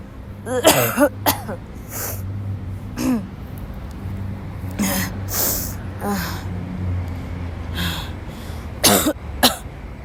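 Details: A sick young woman who woke up ill has a violent dry coughing fit in class: repeated harsh coughs in clusters with hoarse throat-clearing and strained breaths over a steady background hum.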